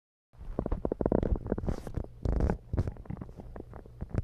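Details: Deep, bubbling rumbles with rapid gurgling pulses from an upset stomach: loud stomach growling.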